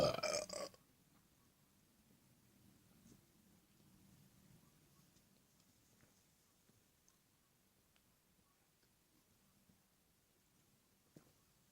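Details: One brief loud burp at the start, followed by quiet room noise; a single belch.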